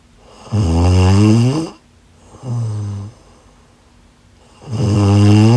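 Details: Ordinary heavy snoring during sleep: loud, rumbling, voiced snores on the in-breath with quiet pauses between, about three breaths in five seconds.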